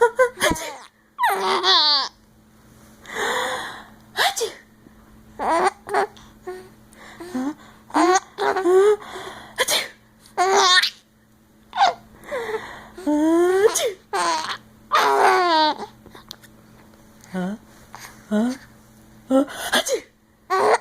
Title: Sneezing is funny